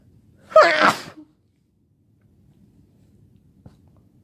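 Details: Sick person sneezing all day with a headache, during an intense sneezing fit: one loud, forceful voiced sneeze followed by silence.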